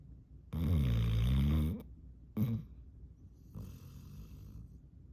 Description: Yellow Lab Sport has hilarious cartoon snore in a deep sleep with tongue hanging out